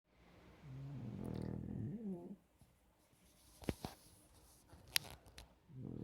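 A throaty, rumbling snore on breathing in, followed by a few clicks and rustles, with another snore starting at the end.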